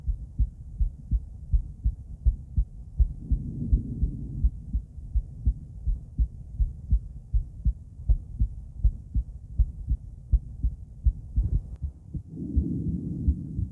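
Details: Female heart auscultated with different stethoscopes at Erb's point, then mitral, tricuspid, aortic and pulmonic sites: steady heartbeat at about 82 per minute with brief rustling from stethoscope movement; normal heart sounds.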